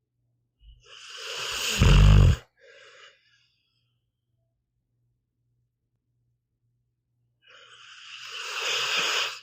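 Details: Snoring in a sleeping pit bull dog, audio only: two loud, rasping snores about seven seconds apart, with silence between them.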